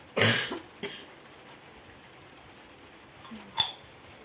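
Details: Tuberculosis patient doing an effective cough exercise: one strong, forceful, deliberate airway-clearing cough with a smaller follow-up burst, then a sharp cough a few seconds later.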